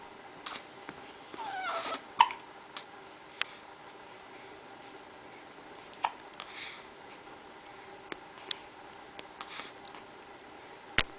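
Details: Baby boy aged 1-2 months: soft, abrupt little hiccups at irregular intervals with faint baby noises in a quiet room; infant hiccups.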